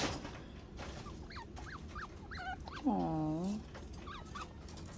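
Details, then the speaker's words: Baby chinchilla crying for its mother, high squeaky chirps building to one longer, wavering whine. "oh my god listen to this baby are you forever gonna cry for Mommy"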